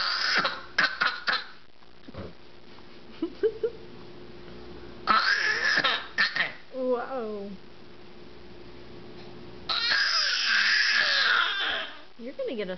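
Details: Infant makes short deliberate fake coughs between high squeals and playful vocal sounds; voluntary fake cough.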